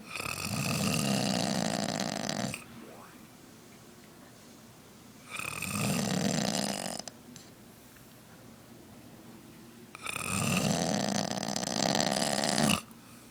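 Loud, harsh rattling snores on each in-breath, three long snores with quiet gaps between, about 13 breaths a minute; heavy snoring.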